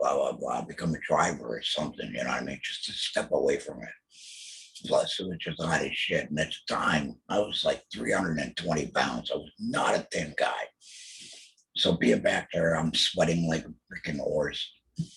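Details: Throat cancer diagnosed 2020, treated with total laryngectomy, chemotherapy and radiation; alaryngeal speech after total laryngectomy.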